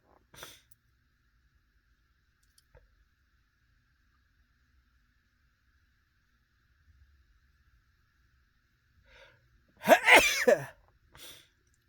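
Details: Adult male sitting in a car after dinner at a restaurant: mostly quiet, then a sharp explosive sneeze with a brief follow-on burst; ordinary sneezing.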